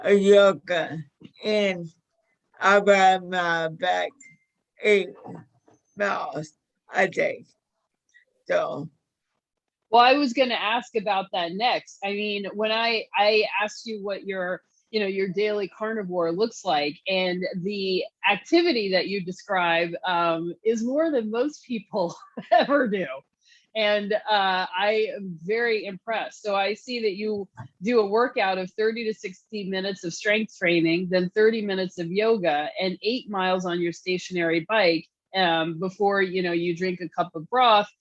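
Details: 61-year-old woman with motor neuron disease diagnosed five years earlier, with a 2–5 year prognosis at diagnosis; slurred speech was an early symptom with falls and weight loss, and severity varies day to day; managed with a carnivore diet; dysarthria.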